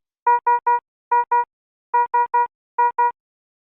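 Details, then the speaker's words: Philips HeartStart XL+ monitor/defibrillator high-priority alarm, shown with a red message background: repeating bursts of three and two rapid high-pitched tones warning of a life-threatening condition such as asystole or ventricular fibrillation. "a high priority alarm warns of a life-threatening condition such as a systole or ventricular fibrillation the alarm message displays with a red background and sounds like this or this"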